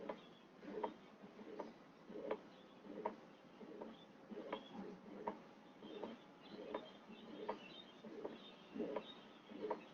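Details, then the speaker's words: Vocal imitation of a pericardial friction rub in a pericarditis lecture, with pleuritic chest pain that worsens on inspiration: repeated scratchy rubbing sounds, about 27 a minute, like two surfaces rubbing together. "Frote es como si frotaran dos superficies, ¿ya? Algo más o menos, si me escuchan, así, ¿no? Entonces, ese es un frote pericárdico"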